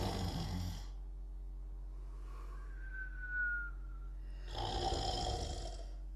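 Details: Two sleepers snoring together: two slow, rumbling snoring breaths with a faint whistle between them; ordinary snoring.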